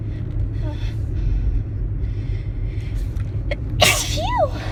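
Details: Several quick, high-pitched sneezes from a woman over steady low background rumble, the last followed by a short voiced squeal; sneezing.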